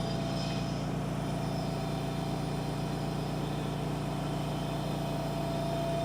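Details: Respiratory therapy student role-play demonstration: steady low motor hum with a fast regular pulsing throb and a faint steady tone. A small volume nebulizer compressor running.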